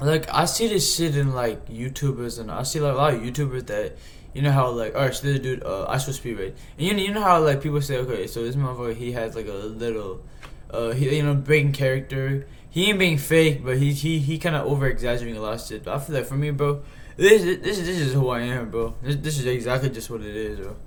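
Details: Male host who says he stutters himself, getting stuck repeating words such as "he he he" and "this this this": stuttering.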